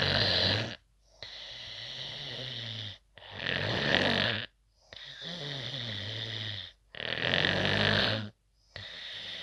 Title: HARD CORE SNORING. LIKE AND COMMENT FOR MORE!!